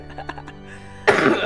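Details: A single loud, harsh raw cough from an adult man with the flu (not COVID), over quiet background music during a live stream.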